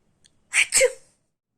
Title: Types of Sneezers 🥶 I am Type-1,5 Which one is you ?? Also share if u get related😇